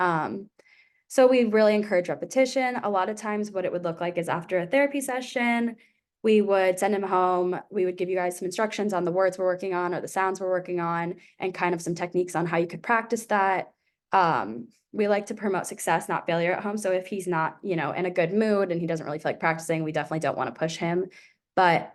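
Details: Adult woman speaking; normal speech.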